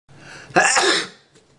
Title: SNEEZE!!!